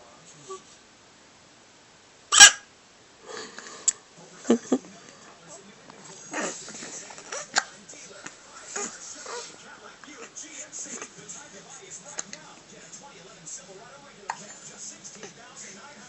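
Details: Hiccups: a sharp, loud catch followed by short, abrupt spasmodic sounds, with quiet room noise and soft voices in the background.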